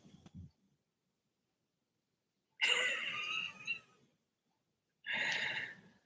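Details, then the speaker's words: Sleeping female dog, dreaming and wagging her tail, snoring loudly: two harsh, noisy breath sounds separated by quiet pauses. Snoring. "Look, she's snoring. She's snoring so loud and wagging her tail."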